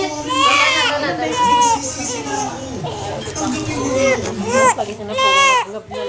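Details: Infant crying, described as very angry with a bright red nose: loud, sustained crying with rising and falling wails and short catch-breaths between bursts, with other voices around.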